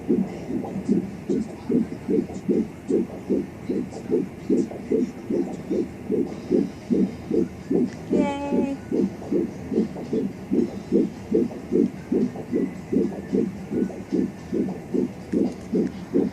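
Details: Fetal heartbeat at 13 weeks of pregnancy, found at home with a fetal Doppler: rapid, regular whooshing at about 147–165 beats a minute, a normal fetal rate.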